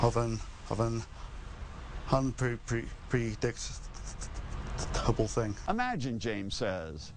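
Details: Severe lifelong stuttering in an adult man screened for a phase 3 trial of an investigational stuttering medication; part-word and word repetitions.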